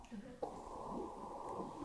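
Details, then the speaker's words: Doppler ultrasound over the aortic valve of a horse in its mid-20s, murmur faint by stethoscope and intermittent, aortic regurgitation possibly normal valve weakening for age; aortic valve regurgitation murmur on Doppler. "Now you can hear the murmur. I couldn't hear that well with my stethoscope."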